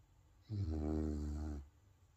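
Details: Sleeping pet dog snoring: a long, low, buzzing snore on a single breath in a quiet room.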